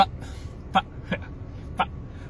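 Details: Three brief, abrupt throat-clearing and hiccup-like vocal bursts between pauses from an adult stand-up comedian with Tourette syndrome: simple vocal tics.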